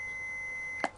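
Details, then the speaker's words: AED (Revive) after the prompts 'shock advised, charging, stay clear of patient, deliver shock now, press the orange button': a steady high tone ending in a short sharp burst as the shock is delivered. "stay clear of patient deliver shock now press the orange button"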